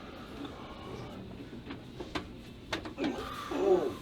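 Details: Short sharp joint pops during a chiropractic back adjustment in an adult man with a stiff, painful back and uneven leg length, after a breath in; patient exclaims, reports relief on right side.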